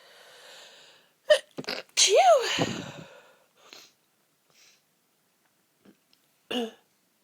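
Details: Lots of stifled or half-stifled sneezes: several short, muffled sneeze bursts, some half held back, with a soft squeak between.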